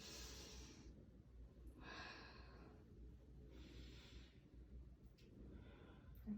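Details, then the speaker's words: Deep breathing exercise after surgery, sitting up straight, demonstrated for a patient: slow, deep breaths in through the nose and out through pursed lips, ribs expanding sideways to fill the lungs, in a quiet room. "and now i wanted you to do it much more deeper so that your ribs will be expanding sideways so that and your lungs will be filled up with air like this"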